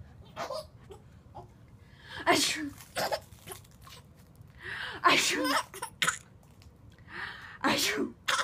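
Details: Several short, sharp bursts in quick succession, mixed with giggling and voices; repeated sneezing.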